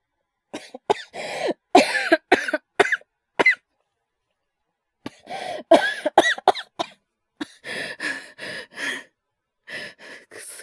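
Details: Repeated short, harsh coughs in several bouts with pauses and a throat clear, acted by a male voice performer portraying a man with fever and chills at night; simulated cough.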